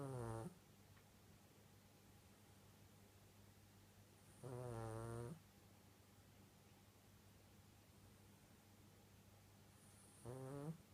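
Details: Slow, low, vibrating snores roughly every five seconds, about 11 breaths a minute, against quiet room noise; ordinary snoring.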